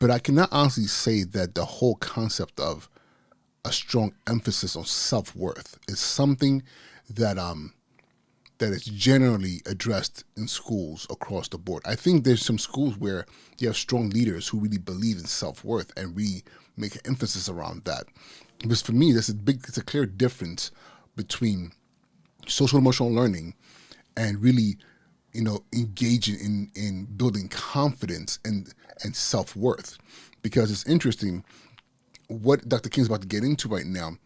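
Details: Adult male podcast host with persistent stuttering that he says never goes away and is not anxiety-related; he warns listeners will catch his stuttering speech patterns. Stuttering.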